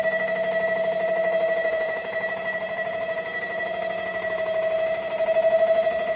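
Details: Real MRI scanner noise from a Siemens Aera in a hospital: a steady loud electronic tone with fast rhythmic buzzing pulses during image acquisition.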